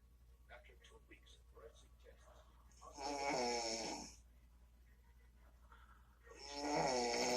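Two loud, harsh, vibrating snores on the in-breath about three and a half seconds apart, with soft rustling noise in between.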